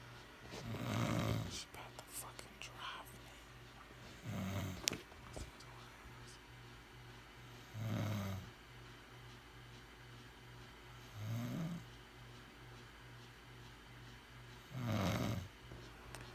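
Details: Woman snoring loudly in her sleep, waking the household: loud, rough snores on each breath, about 17 a minute, with a steady low room hum; snoring.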